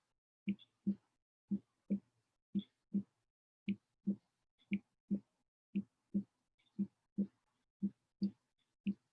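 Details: Regular paired lub-dub normal heart sounds at about 58 beats a minute, produced by closure of the heart valves.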